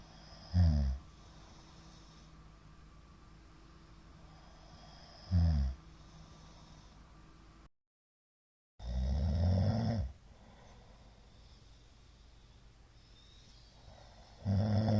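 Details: Middle-aged man's (ojisan) snoring during sleep: loud snorts separated by long quiet gaps with little breathing heard; frequent shallow hypopneas suggest obstructive sleep apnea syndrome.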